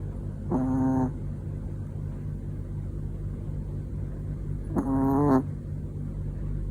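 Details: Two brief, tonal, whistling snores from a sleeping Chihuahua, about four seconds apart, over low room hum; snoring.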